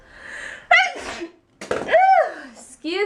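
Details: A short voiced intake followed by a single sharp sneeze mixed with speech; sneezing.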